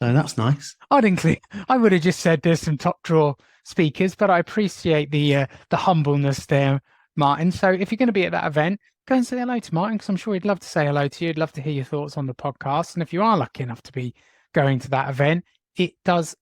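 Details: Adult male speaker; ordinary speech.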